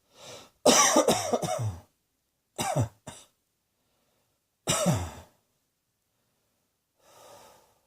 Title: Cross Dressing Coughing 4